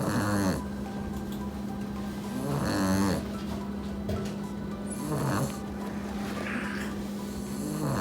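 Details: Puppy napping after playing hard; loud, rumbling snores about every four seconds, roughly 15 a minute, over a steady hum and faint background music. Snoring.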